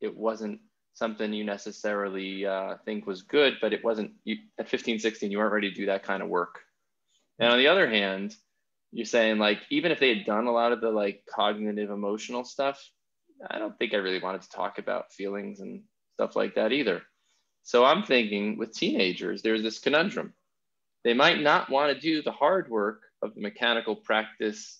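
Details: Adult man speaking; normal conversational speech.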